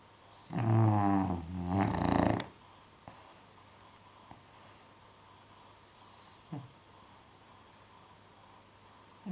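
Two loud, rattling snorting snores from a dog, then quiet breathing with faint clicks.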